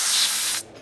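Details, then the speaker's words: Simulated tinnitus: a steady, bright steam-jet hiss lasting about half a second, then cutting off, illustrating one way tinnitus can sound. "c'est un son qu'on entend en continu et on rêve on dit qu'on a les oreilles qui sifflent mais pas toujours exactement le cas ça peut être un sifflement donc mais ça peut aussi être un bourdonnement grésillement le bruit d'un jet de vapeur le"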